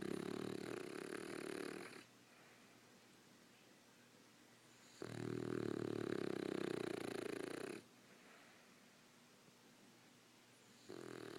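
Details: Slow, rough snoring breaths, about three long noisy inhalations separated by quiet pauses: ordinary sleep snoring.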